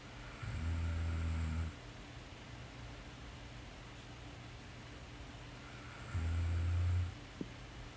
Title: Korean Girl Sleep Snoring (Part 2)